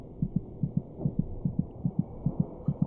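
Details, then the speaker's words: Fetal heartbeat: rapid, regular beats of about 145 per minute, roughly twice as fast as the mother's heart rate. "by week twenty six it may just be possible to hear the fetal heartbeat by putting your ear against the mothers abdomen the fetus's heart meets about twice as fast as a mother's"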